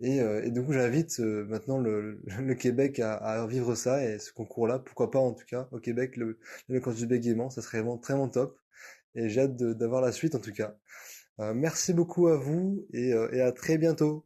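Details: Cluttering in a 29-year-old French-speaking man since adolescence, worsened after a traumatic brain injury, diagnosed at 27; very fast speech, sometimes partly unintelligible.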